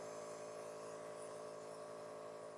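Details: Steady, even mechanical hum with a buzzing motor tone from a nebulizer compressor running with liquid medicine and a mask attached, being set up for a baby with cough and cold, as recommended by the pediatrician.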